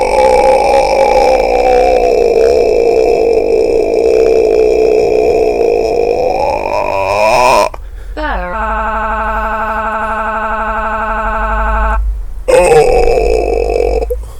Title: Long burping. Me vs Google